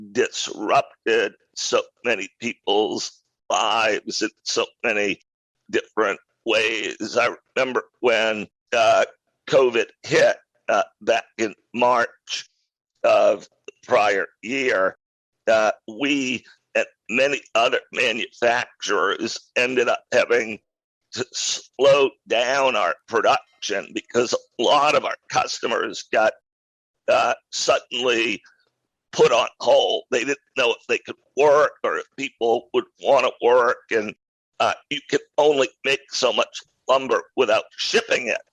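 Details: Adult male with a rare neurological voice disorder acquired in 2012 that made speaking difficult; partial voice loss over a roughly 10-year course, now speaking without pain though still audibly affected: spasmodic dysphonia.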